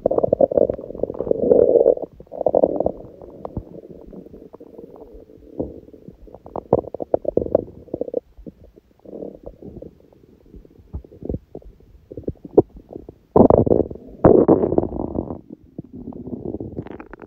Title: くしゃみ入り本日の空腹音🤧/Today’s hungry sounds (with sneezing🙇‍♀️)